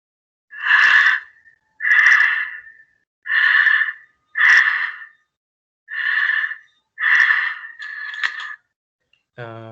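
Steady, even breath sounds in a regular rhythm at a normal, unhurried rate, with smooth inhalations and exhalations: normal breathing (eupnea).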